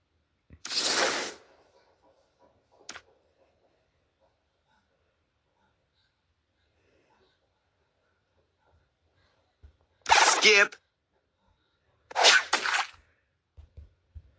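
Three sharp, explosive bursts of air separated by quiet pauses in a silent room, typical of sneezes.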